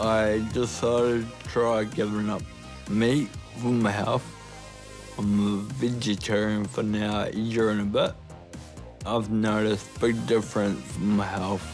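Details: Ataxic dysarthria in a 29-year-old man with Friedreich's ataxia, a rare degenerative genetic disease diagnosed at 18, causing slurred speech that has worsened over time and progressive walking difficulty; he now uses a wheelchair.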